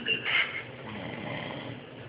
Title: Watching Daddy take a nap, and snore....7-17-2011